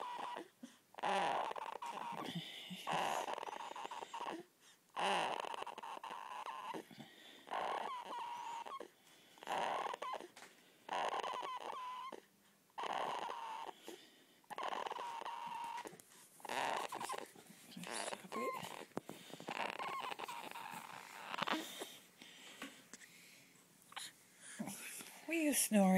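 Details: Soft, rattly snuffling breath noises with brief pauses from a sleeping 2-week-old newborn: infant snoring.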